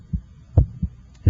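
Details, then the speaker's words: Normal first and second heart sounds heard with an electronic stethoscope at the apex (PMI), timed against the radial pulse: regular paired sounds, the first louder. "I can hear the second heart sound the first hot sound should have a louder quality in this apical position"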